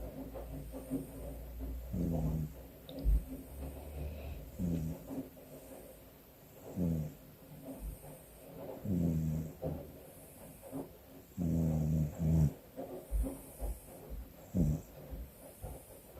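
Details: Snoring with eyes open: low, rough rattling snores in uneven bursts with quieter breathing between them.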